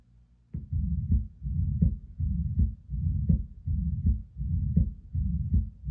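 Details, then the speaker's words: Simulated newborn heartbeat: normal lub-dub with a steady blowing "sh" murmur filling the gap between heart sounds; heart murmur from a septal defect. "it sounds like a blowing sound we have the love dub sound but there's a sh in between that is something we would call a murmur"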